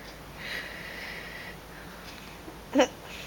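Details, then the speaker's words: Baby on his birthday, his first case of hiccups, just after his first diaper change: a single short, high hiccup following soft noisy breathing. "look at you and your little hiccups this is aaron's birthday july 29 2009 and he's got his first case of the hiccups after mommy just changed his first poopy diaper"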